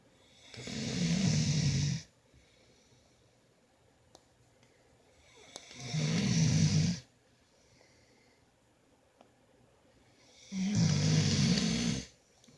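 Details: One of two sleepers in a snoring competition; three long, rough, low rattling snores on the in-breath, about 13 breaths a minute, with quiet pauses between in a still room; snoring.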